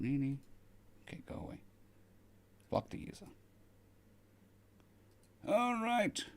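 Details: Man on day 2 of recovery stream after surgery; cords mostly healed but lacking strength and stamina, physiotherapy pushing the voice, sounds like laryngitis. Finding: postoperative dysphonia.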